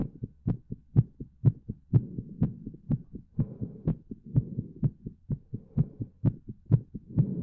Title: My Pleasure Heartbeat